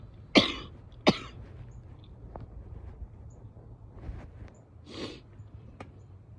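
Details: Two sharp, loud coughs close together then a softer third after a pause, loose and wet, from an adult woman: wet (productive) cough.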